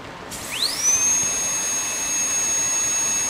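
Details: Lares 577 high-speed dental handpiece running on a flow meter, about 32 L/min: a high-pitched whine rises quickly to full speed and then holds steady.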